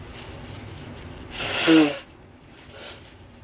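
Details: Induced sneeze, unusually easy to bring on: a single sharp, explosive burst of breath through the nose and mouth, then quiet room sound.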